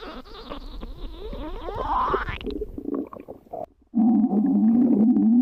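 Gurgling, rumbling tones that sweep in pitch, a brief pause, then a sustained low growl: ordinary stomach growling.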